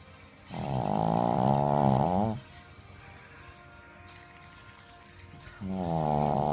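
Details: Female Shih Tzu dog snoring loudly, louder than anyone in the family: long, loud, buzzing snores on each inhale, separated by quiet pauses.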